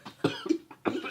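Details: Three short harsh voiced bursts, cough-like retching from an adult gagging while eating disgusting food in an eating challenge; coughing/gagging.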